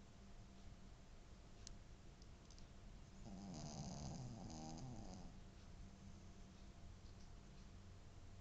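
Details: Shih Tzu dog (a neighbour's) sleeping and dreaming: soft, low, rhythmic snoring with steady room hum in the background; snoring.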